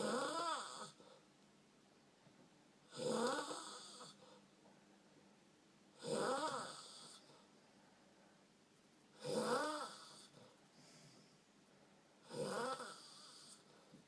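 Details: Possible snoring, uncertain: regular buzzing snores about every three seconds, roughly 20 a minute, with quiet gaps between in a still room.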